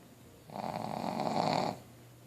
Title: Pug Snore